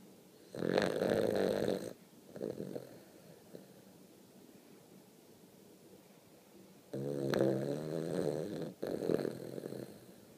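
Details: Dex, a sleeping dog, snoring: loud, rough snoring breaths with pauses, and a quieter breath in each gap.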